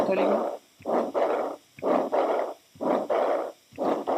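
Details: Veterinary cardiac auscultation teaching recording: a loud whooshing noise fills much of each beat at about 60 cycles a minute over a soft thump; a systolic heart murmur.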